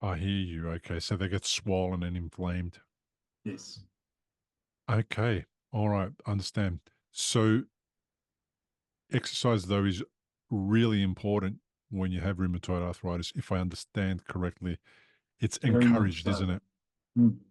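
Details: Adult male speaker; normal speech.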